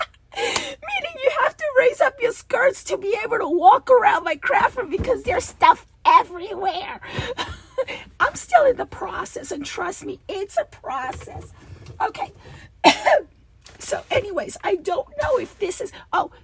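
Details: Adult woman with diplophonia (double voice) that recurs, and she returns to voice therapy when it does; she feels a rasp vibrating low in her throat, below the vocal cords.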